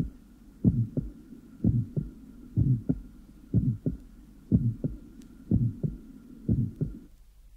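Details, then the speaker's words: Still's innocent murmur in an 8-year-old child: short, low-pitched, definitely musical grade 2 systolic murmur occupying only the first half of systole, usually loudest at the apex and left sternal border. "here is an example in an 8-year-old child the MMA is gr two in intensity and occupies only the first half of cyy it has a definite musical"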